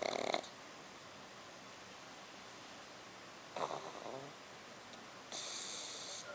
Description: Darth Vader looking Black Pug puppy laying on his back like a human, snoring louder than a human.